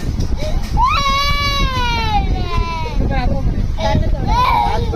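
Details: Young child crying in drawn-out wails and whimpers over steady room noise; an ordinary infant cry.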